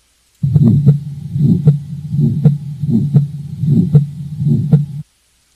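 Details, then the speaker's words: Aortic stenosis murmur: regular heartbeat near 78/min with a crescendo-decrescendo systolic ejection murmur between S1 and S2. "what I want you to try to focus on most importantly is distinguishing that the sound occurs between S1 and S2 not between the longer pause between S2 and the next S1"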